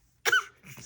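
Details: Baby girl deliberately fake coughing for attention, not ill: a single short, forced voluntary cough.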